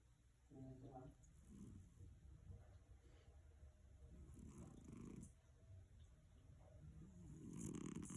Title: Snoring Cat Mickey : This will blow your mind